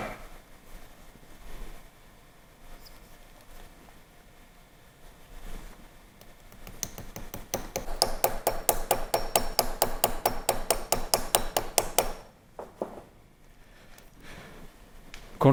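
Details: Bone drill during tibial-side tunnel preparation in combined ACL and anterolateral ligament knee reconstruction with FiberTak anchors; quiet room noise, then a few seconds of rapid steady rattling pulses stopping abruptly.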